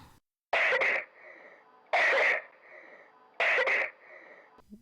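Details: Three separate loud coughs, each a sharp double burst followed by a brief breathy rasp, about a second and a half apart, in a Warlpiri-language "do you cough" clip: repeated cough.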